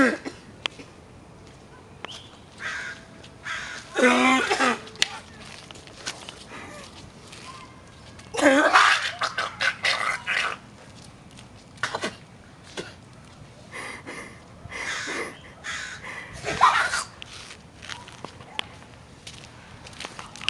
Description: Coughing obnoxiously at some random old guy